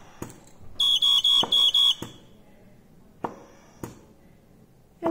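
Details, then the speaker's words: Ventilator start-up alarm on a Babypac neonatal and infant ventilator with a dual-limb circuit, switched on by the knob: five rapid high-pitched beeps, then clicks. "let's turn it on we just turn the knob"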